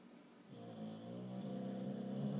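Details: Boxer puppy asleep, snoring; a low, rattling, buzzing breath sound that grows louder over a couple of seconds.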